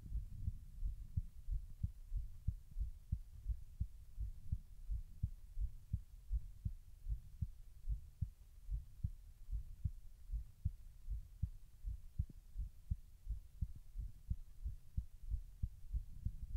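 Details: Own heartbeat recorded while trying to slow the heart rate: steady, muffled low paired thumps, roughly 90 to 95 beats a minute; ordinary heartbeat.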